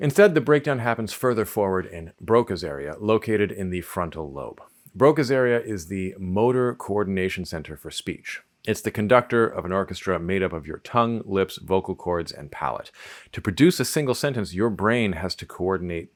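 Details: Adult male narrator; normal speech.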